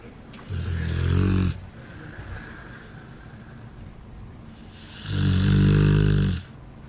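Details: Deep, rumbling snores with long gaps between, over steady background hiss: a 1-year-old bullmastiff snoring while asleep in its crate.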